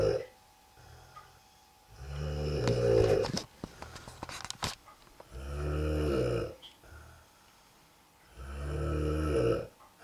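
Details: Deep, rumbling snores from a sleeping adult man (father) on three breaths, roughly nineteen a minute, with a brief snorting noise between the first two; snoring.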